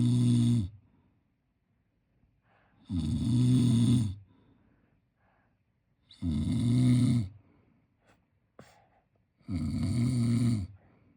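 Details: Sleeping 10-month-old baby boy snoring: four loud, rough, rumbling snores, each about a second long, about 18 a minute, with quiet pauses between.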